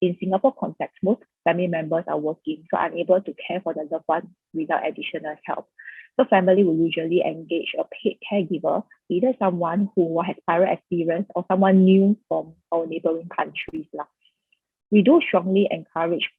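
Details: Adult woman speaking; ordinary speech.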